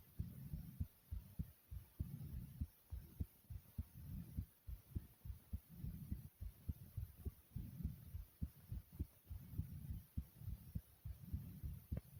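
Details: Fast, pounding heartbeat: rapid, forceful low thumps at about 103 beats a minute, tachycardia.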